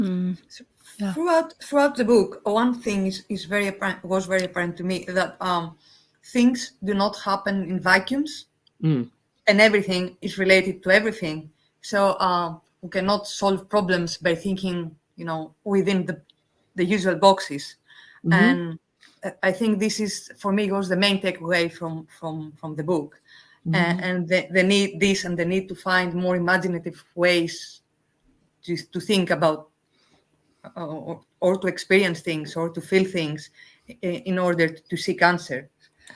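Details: Adult speaker; normal speech.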